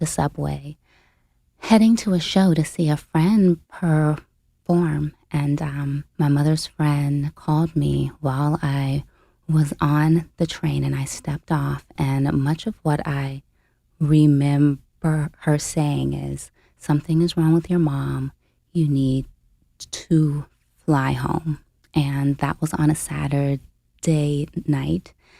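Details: Adult woman, a full-time family caregiver since age 29, with a self-reported stutter; real, unscripted speech; stuttering.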